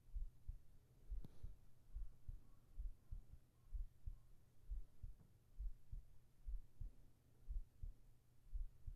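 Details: ASMR heart sounds for sleeping, recorded with a whispered voice: faint, soft heart thumps repeating steadily at about 80 a minute over quiet room hiss, a heartbeat.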